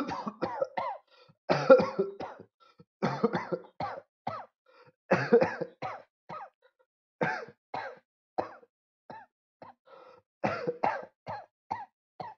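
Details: Repeated bouts of short, harsh coughs in clusters of two to four, separated by brief silences in a quiet room, from a person who is sick.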